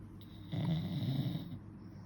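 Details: Dad's snoring, with baby nearby reacting: one low, rumbling snore on an in-breath lasting about a second, in a quiet room.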